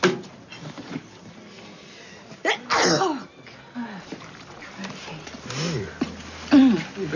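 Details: Acted adult sneeze from a TV drama, a character unwell with a cold: a sharp sneeze burst between quiet lines of dialogue.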